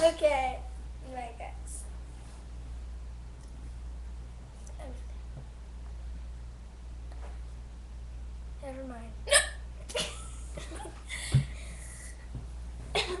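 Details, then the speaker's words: Several short, abrupt hiccups over a steady background hum and talk; a female with repeated hiccups, usually louder than this. "think maybe we should eat this chocolate I think she's getting hiccups for that chocolate it's good chocolate"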